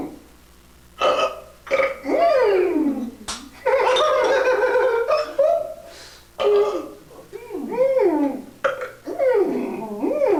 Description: Two Grandmas have a burping contest